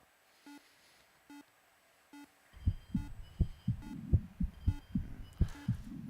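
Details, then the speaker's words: Simulated heart sounds from a holographic virtual patient with right-sided weakness, heard with a real stethoscope at the aortic area: regular lub-dub about 80 a minute, no atrial fibrillation, no murmur; normal heart sounds. "he listens for the characteristic sounds of the pulmonic there's no sign of atrial fibrillation and no murmurs"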